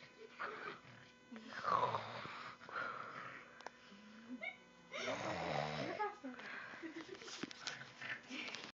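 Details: Heavy snoring: loud, rough, rattling breaths recurring in bursts against a quiet room, with brief whistly tones between them, recorded on an Android phone.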